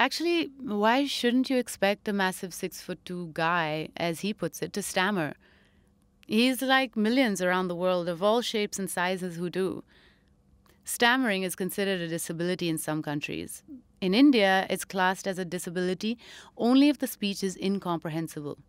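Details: Adult female narrator; typical speech.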